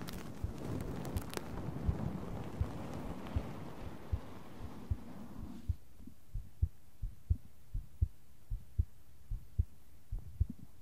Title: 【ASMR】心音とブラシ＆タッピング（Heart sound.)